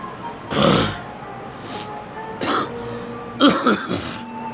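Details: Person coughing: about three short, rough cough bursts over a humming room background.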